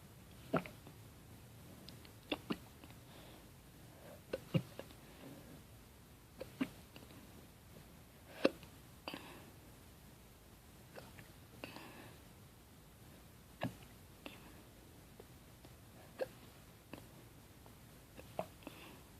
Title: Bad hiccups